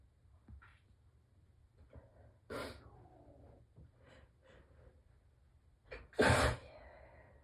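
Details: Two morning allergy sneezes muffled by tissues pressed tightly to the face, each with a short intake of breath first, the second louder; allergic sneezing.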